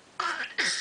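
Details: A young girl, asked to show it off, gives two short, breathy, deliberate fake coughs after singing; an imitated, voluntary cough, not a sign of illness.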